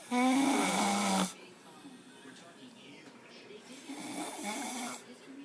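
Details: Man (fiancé) snoring: one loud, buzzy, rattling snore on the in-breath, followed by quieter breathing noise and a second softer snore; snoring.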